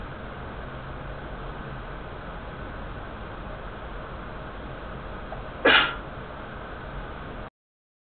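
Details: Steady background hiss, then one short, sharp burst of air: a single sneeze.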